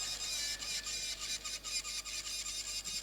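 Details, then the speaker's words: Steady high-pitched drill whine with rhythmic grinding pulses as it cuts bone: a surgical drill, held like a pen, rapidly removing bone during a temporal bone dissection demonstration before exposing the mastoid tip cells. "You have to hold the drill like pen in this position and stable your hands with your little and ring finger like this. Your hand should not be in the air and your wrist and hand should be in the same axis. Now some of this bone you can remove fast."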